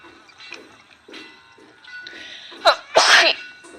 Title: live sneezing attack